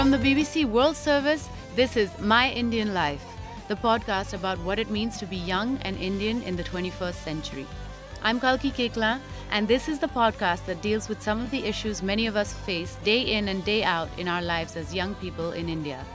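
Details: Adult woman speaking over background music; normal speech.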